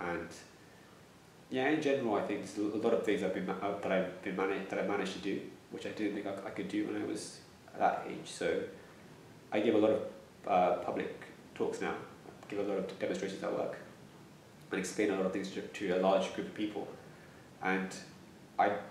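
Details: Stuttering in a young adult man who stammers.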